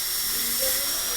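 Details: High-speed dental drill cutting a maxillary premolar class II preparation in a teaching course: steady high-pitched whine with hiss of water spray.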